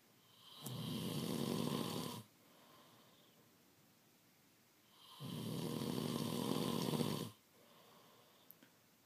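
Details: A male partner snoring in sleep before being woken: two long, loud, rough snoring breaths about three seconds apart, with quiet pauses in a quiet room.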